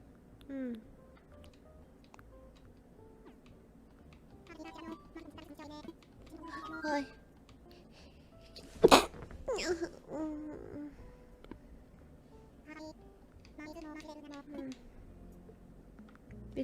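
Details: A single sudden, loud sneeze from a streamer, amid quiet speech and faint background music; sneezing.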